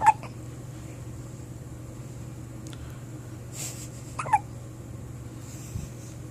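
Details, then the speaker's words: First hiccups: two brief, soft hiccup sounds about four seconds apart in a quiet room. "You got hiccups? You got the hiccups?"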